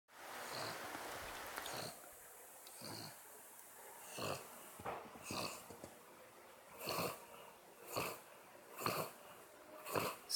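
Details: Snoring again during sleep.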